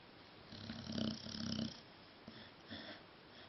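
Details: Sleeping pet snoring while dreaming: two short buzzing snore pulses on one breath, then softer snuffly breaths; snoring.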